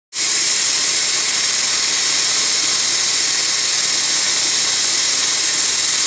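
Steady high-pitched hiss and whine of dental instruments running continuously during a root canal procedure.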